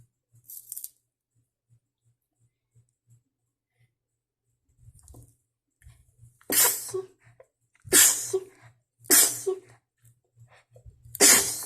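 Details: Person trying to hold back sneezes after cleaning dust: soft stifled sneezes, then four forceful sneezes in quick succession, with a faint hum in the room.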